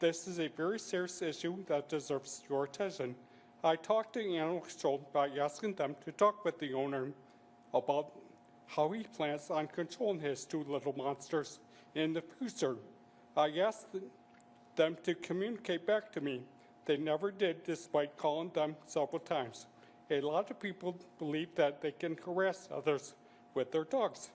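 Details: Adult who has had several strokes and uses a speech device; electrolarynx speech.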